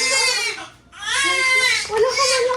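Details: Newborn cry just after a normal birth, the mother's third baby: loud, high-pitched crying in strong bursts with a brief pause for breath; vigorous newborn cry.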